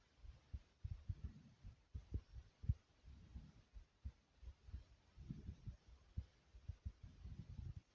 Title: My Heartbeat Recording